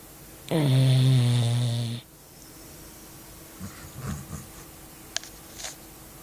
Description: Shaky,un simpatico beagle che russa come un trattore!!!